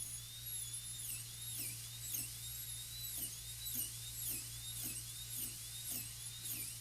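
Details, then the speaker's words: Quiet high-pitched whine dipping in repeated strokes as a non-tapered 877 burr cuts the proximal chamfer from the lingual, parallel to the adjacent tooth, during a full gold crown preparation; dental drill cutting tooth. "From the lingual, we'll look across the arch, put a finger rest as close as we can to the tooth, get a little taper, lean the burr pretty much parallel to the adjacent tooth."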